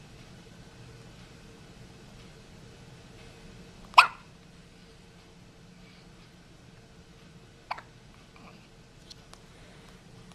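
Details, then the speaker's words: Newborn boy on the day he was born, recorded with a Flip Video camcorder: one sharp hiccup, then a fainter one a few seconds later, over quiet room hum; hiccups. "How are those hiccups treating you, buddy? Are they gone? Nope. You have not beaten the hiccups."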